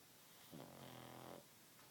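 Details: Pug dog snoring while sleeping: a single long, rattling, buzzy breath lasting about a second against quiet room noise.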